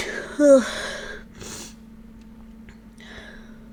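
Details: Adult who suspects a ragweed allergy sneezes after sniffing a ragweed stalk covered with chhinkni, reporting itchiness and a runny nose; a sharp voiced burst then a breathy exhale, part of a sneezing fit.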